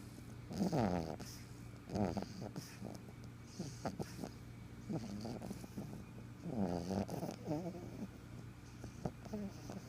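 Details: Snoring from a black pug; snoring.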